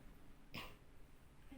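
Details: Child coughing on request after being taught effective coughing, during a nursing student's postural drainage and suction practice: one short, sharp cough against quiet room noise; cough.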